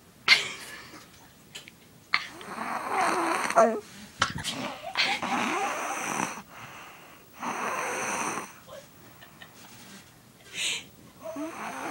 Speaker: We here can't sleep because of my brother. He's 4 years old and snoring his lungs out.